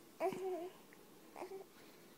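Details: Infant crying while a cat is shown soothing the crying baby to sleep.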